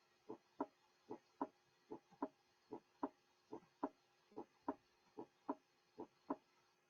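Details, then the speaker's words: Regular lub-dub heart sounds at about 75 a minute, the first sound slightly lower in pitch than the second: normal first and second heart sounds. "Each pair of sounds, lub-dub, lub-dub, will begin with the first sound and end with the second. Listen to these sounds and keep in mind the systolic and diastolic periods in the cardiac cycle. Normally, the first sound is slightly lower in pitch in comparison with the second sound."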